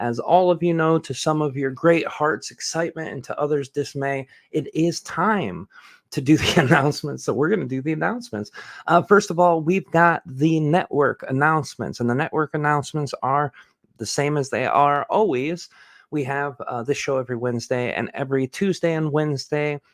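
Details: Adult speaker; typical speech.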